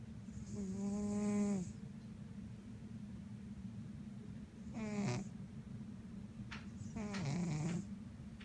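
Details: Sleeping cat snoring: three soft, squeaky, buzzing snores with a steady low room hum between them.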